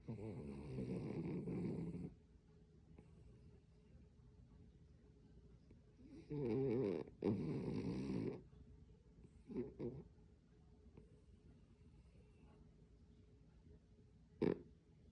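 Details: Dog named Bruno, asleep and possibly dreaming; irregular rough snoring bursts with quiet gaps between breaths; snoring.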